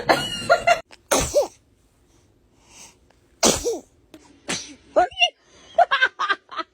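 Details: A baby gives several small, high-pitched sneezes in a row, with an adult saying "bless you" and laughing around them.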